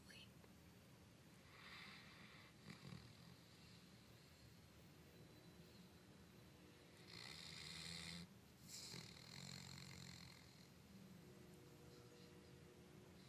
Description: Jeep snoozing away with his eyes open.